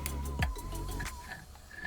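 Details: Children's play audiometry hearing test, practised through listening games: a steady warbling test tone over room noise; audiometry test tone.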